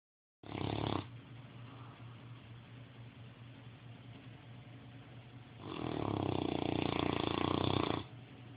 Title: Snoring away !